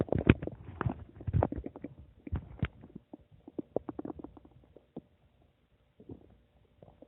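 Bursts of gurgling, bubbling rumbles that fade into scattered pops and clicks. Ordinary stomach and bowel noises.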